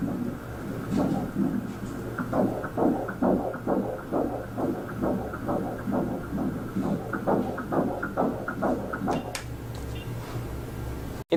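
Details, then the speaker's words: Fetal heartbeat recorded by an obstetrician during pregnancy: a rapid, regular whooshing beat of about 133 per minute over a steady low womb hum. "essa é uma pulsação constante né que o bebê igual está passando em toda sua vida"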